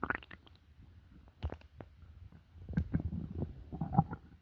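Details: Adult with an upset stomach making borborygmi: low, irregular gurgling and croaking bowel rumbles.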